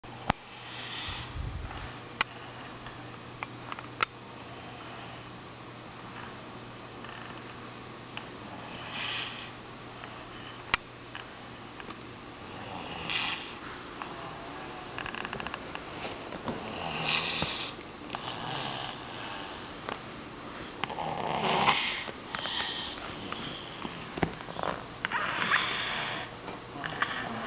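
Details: Aubrey sleeping in a chair; soft, snuffly snoring breaths recurring about every four seconds against quiet room noise.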